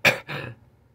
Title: coughing